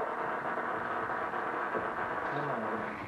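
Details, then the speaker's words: Intraoperative microelectrode recording during deep brain stimulation surgery for dystonia: continuous crackly static with dense rapid popcorn-like pops from overactive firing brain cells. "to the untrained ear it sounds like static but to an experienced neurosurgeon the overactive cells sound different sometimes we'll say the sound of popcorn popping is whenever you have a Tremor cell it sounds sort of like pop corn popping in the microwave"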